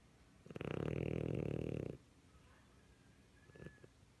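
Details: Siamese cat curled up asleep, snoring loudly, no added sound effects: a single long, buzzing, rattling snore, then quiet breathing.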